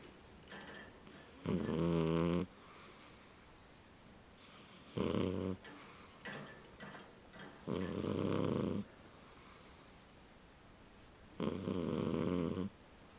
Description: The cat is snoring.